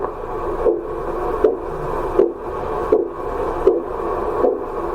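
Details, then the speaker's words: Doppler Korotkoff sounds heard while a volunteer breathes through a narrow straw to simulate COPD pulsus paradoxus; as the cuff deflates, regular whooshes at about 80 a minute become continuous through inhalation and exhalation, over constant hiss. "it's become continuous. That means both during inhalation and exhalation, we hear the Korotkoff sound."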